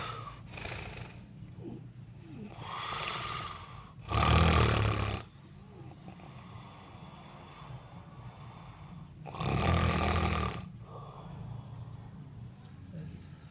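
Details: Quiet snoring in a sleeping person: rough, rattling snores on the breaths in, two loud ones and softer ones between, with slow irregular breathing of about 12 a minute.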